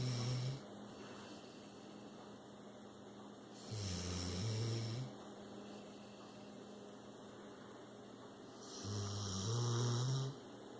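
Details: Slow, loud, low rumbling snores, about three over ten seconds, with steady room hum between, from a 6-year-old rescued pit bull during a mid-afternoon nap, out cold.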